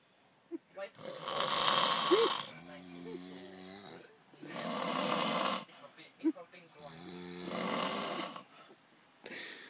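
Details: Two adults snoring loudly after drinking wine: rasping snores, about three breaths, with whistling tones and small vocal sounds between them, and others laughing in the background.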